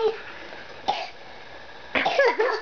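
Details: Sick girl (child) singing Rolling in the Deep: a short cough, then a burst of coughing mixed with sung, voiced sounds.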